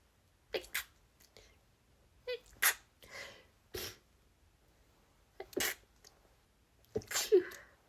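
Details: Rapid run of sneezes from a woman, several stifled, coming in quick succession over a few seconds: a nonstop sneezing fit.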